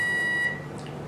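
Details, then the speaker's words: A hyfrocator electrosurgical wand vaporising a nevus on the lower leg of a 29-year-old woman: a steady high electronic tone that stops partway, over low room hum, as the border is marked out; patient awake and comfortable. "So this is the hyfrocator wand, and as you can see, just going to touch it against the skin now, and you can see it's vaporising the tissue as I touch it."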